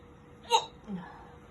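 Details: Male recovering patient with daily, ongoing hiccups, trying a hiccup-relief drinking device after a big deep breath: a single abrupt voiced hiccup with a sharp onset, then a softer follow-on sound.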